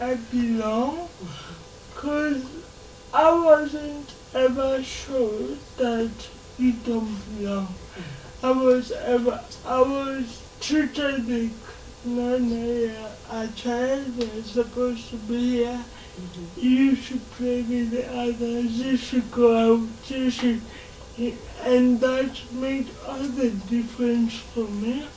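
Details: Dysarthria in a 27-year-old woman with lifelong cerebral palsy; she can speak but needs extra time.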